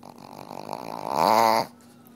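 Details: Pug dog after a bath, as happens every bath and attributed to post-nasal drip: rapid rattling snorting inhalations building to a brief honking snort, then stopping abruptly; reverse sneezing.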